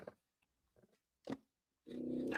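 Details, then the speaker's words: Loud snoring from a pet dog (female) sleeping near the owner, audible even through noise-cancelling earbuds. "I got to move my dog. She snores so loud, you guys could probably hear it. Not only that, but I have noise-canceling AirPods in, and I can hear her snoring, and it's absolutely pissing me off."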